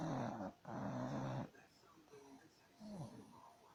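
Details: Snoring.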